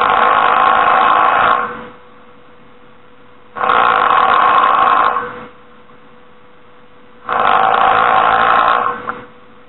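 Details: Heavy snoring: three loud, harsh snores on the in-breath about every 3.7 seconds (roughly 16 breaths a minute), with a steady faint hum between.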